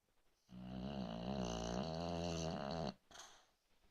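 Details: Snoring: a single long, buzzing, vibrating snore lasting about two and a half seconds.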